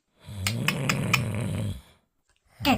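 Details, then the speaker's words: Simulated snoring performed in a comedy sketch about a husband snoring since 1 a.m. while his wife lies awake; one loud, rattling snore on a long in-breath, then quiet. "desde la una de la mañana sin dormir y el ahí roncando no me importa lo importante es que el descanse que para eso es el hombre de la familia"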